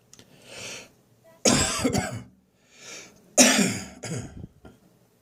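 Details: Lingering dry morning cough after bronchitis, now resolving, with no gagging or phlegm: two inward breaths, each followed by a burst of two or three dry, hacking coughs with no rattle.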